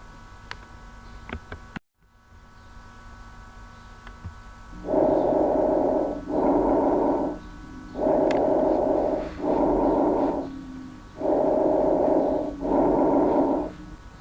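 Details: Steady blowing breath sounds heard over the anterior first/second intercostal spaces and posteriorly between the scapulae, inspiration equal to expiration with no gap between them: normal bronchovesicular breath sounds in an auscultation teaching lecture.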